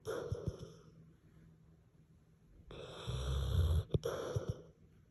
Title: French Mastiff-Pitbull snores so quietly, you can barely hear him😂